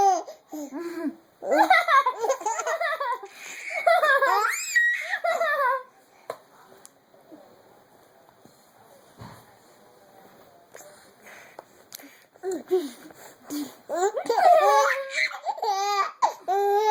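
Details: Infant boy giggling and belly-laughing, broken by short abrupt catches between bursts; laughter with hiccups.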